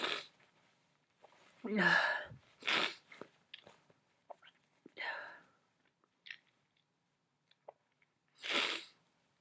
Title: Just sneezes and sniffles...